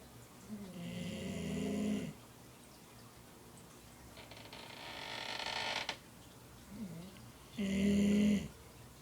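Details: Rumbling, whistling snores with a hissing breath between them from Maggie, a dog sleeping at the office.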